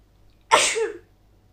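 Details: Female coming down with a cold: one sharp, forceful sneeze with a brief voiced tail.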